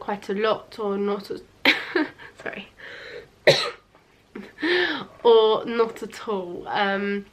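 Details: Stuttering (stammer) in a young woman of nearly 20 who has stammered for about 20 years; worse under stress, with long blocks, though she says she is unusually fluent on camera.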